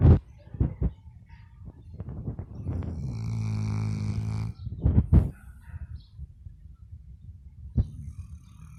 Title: Dog snoring sounds/ Elsa the Labrador